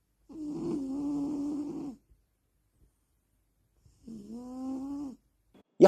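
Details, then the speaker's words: A sleeping cat gives loud snoring: two long, rumbling, buzzy breaths, each lasting one to two seconds, with a pause between them. "الشخير في القطط هل هو طبيعي القطط تعشق تنام وممكن تنام 16 ساعه في اليوم احيانا تسمعها تشاخر بصوت خفيف واحيانا بصوت عالي"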